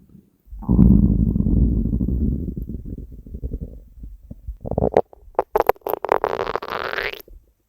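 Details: Hunger stomach growling: loud drawn-out rumbling, then a run of gurgles and a rising squeal; borborygmi.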